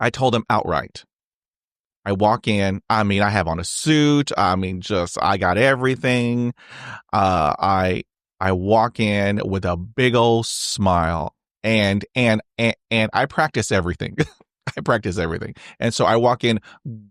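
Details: Adult man who has stuttered since age 5, with speech therapy on and off from grade school to college; finding: stuttering.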